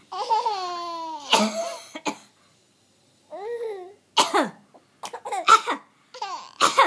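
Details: Several short, harsh cough bursts from an adult (mom), between high-pitched babbling or laugh-like sounds from a young child; ordinary coughing.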